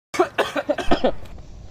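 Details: Acted comedy skit: an adult gives a quick run of five to six short, harsh cough bursts while asking the doctor whether the cough could be corona.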